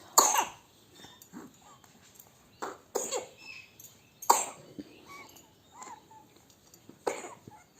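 About five short, sharp coughs from a young child, spaced over several seconds with soft vocal sounds between them; a cough with a cold.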